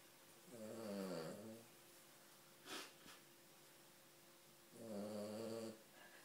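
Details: A small female King Charles Cavalier dog making a big snoring noise: two slow, low, buzzing breaths about four seconds apart, with a soft snuffle between them and a steady room hum; snoring.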